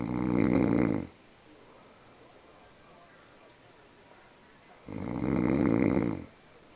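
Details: Snoring: two loud, rattling snores on the in-breath, about four seconds apart, with quiet between them.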